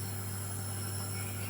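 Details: Child with cough and cold receiving nebulizer treatment: steady low mechanical hum with a faint hiss from the nebulizer compressor.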